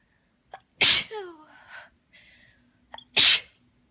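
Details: Two forceful sneezes with quick catching breaths and a soft shaky voice after holding back a tickling sneeze for about 15 minutes until shaking; sneezing fit.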